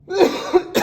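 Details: Adult man who blames allergies for his sore throat (another suggests 30 years of smoking): a cough.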